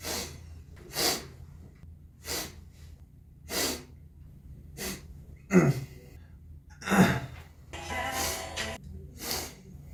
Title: Ex-Wanna One/Cix sniffle, throat clear, and sneeze(2)